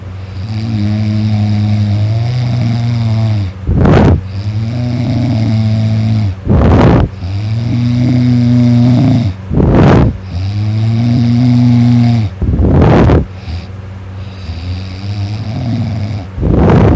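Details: Student asleep, exhausted after staying up late studying, snoring loudly all night (throat sore afterward): loud rumbling snores on each in-breath with quieter rasping out-breaths, about four breath cycles.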